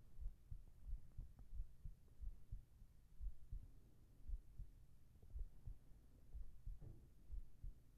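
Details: Heart sounds recorded for a sleep ASMR track with whispered voice: soft, low, regular thumps at about 60 beats a minute under faint background hum; a normal heartbeat.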